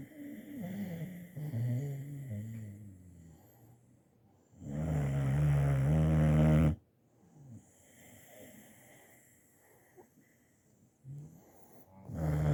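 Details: Loud, low, rumbling snore on the in-breath with quieter breaths between; ordinary snoring in a sleeping dog.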